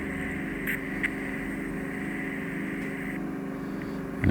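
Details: Continuous whining, rushing suction hum with brief crackles and pops during endoscopic ear microsuction of a man's ear canal, suspected cholesteatoma, U-shaped trench and soggy, possibly infected debris; ear microsuction.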